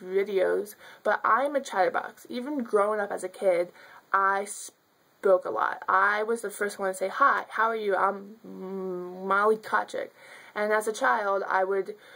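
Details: Adult woman who stutters, speaking spontaneously; stuttering.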